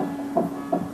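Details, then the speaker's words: Rapid, strong, loud whooshing pulses of a fetal heartbeat on Doppler ultrasound at 8 weeks of pregnancy, described as a very good heartbeat for this stage. "wow it's strong this is beautiful wow that is beautiful and Loud the baby's heartbe wow is that a strong heartbeat very good heartbeat for this time of pregnancy"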